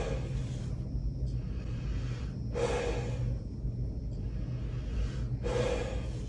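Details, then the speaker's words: Patient taking slow, deep breaths in and out through the mouth for lung auscultation with the stethoscope on bare skin during a thorax and pulmonary exam: repeated airy rushes over a low room rumble. "so Sor I need to take some deep breaths in and out through your mouth if you get laded please let me know"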